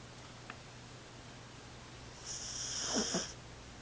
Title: Pheebs snoring